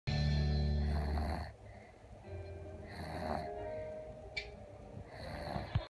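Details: Loud, rattling low snores on the in-breath with whistling out-breaths, about 20 breaths a minute; heavy snoring.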